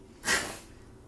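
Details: 7-month-old baby girl imitating a sneeze: a single brief, breathy burst of air through the nose, a voluntary fake sneeze rather than a true one.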